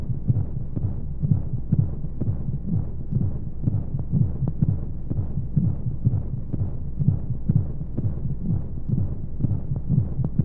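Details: Baby sleep-aid womb sound: a steady, muffled low thumping heartbeat at roughly 125 beats a minute under a soft whooshing hum and white noise, like sounds heard in the womb.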